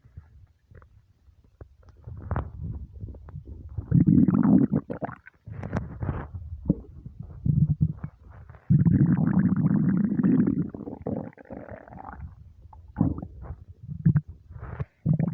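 Long, loud gurgling rumbles and squeaky growls from an empty stomach; ordinary hunger rumbling.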